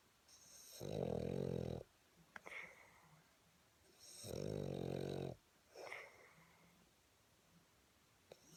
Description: PIG ? PERSON ? NOPE SIR WINSTON THE BOSTON SNORING !!!!! GLAD HE IS GETTING HIS REST LOL